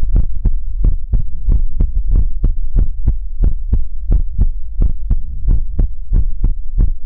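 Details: ASMR livestream heartbeat sound for relaxation: strong, deep, booming paired thumps, steady at about 88 beats a minute; heartbeat.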